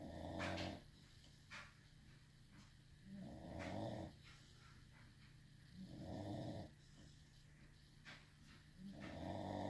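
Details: A sleeping dog snores in low, rumbling bursts, about 19 to 20 breaths a minute.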